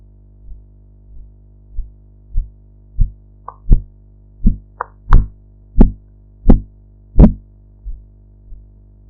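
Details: Blood pressure practice recording with sphygmomanometer: regular tapping sounds, about 87 a minute, growing louder then fading as the cuff deflates; Korotkoff sounds.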